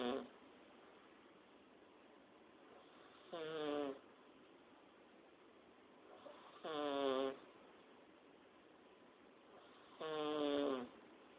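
Three short, buzzy, fluttering snores about every three and a half seconds over a steady hiss, with an unusual whistling, tonal quality.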